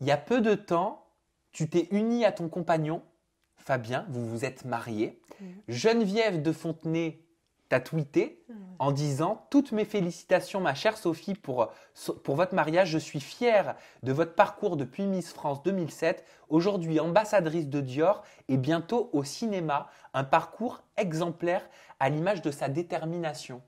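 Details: Adult woman speaking French; ordinary speech.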